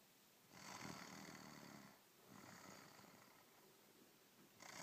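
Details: Two long, rough, hissing breath sounds during sleep, with a third starting, fairly quiet; snoring.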